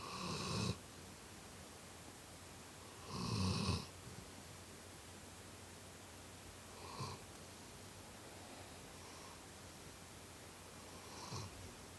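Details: Four soft, irregular snoring breaths over twelve seconds in a quiet room, each a brief low rattle on inhaling, while sleeping on someone: snoring.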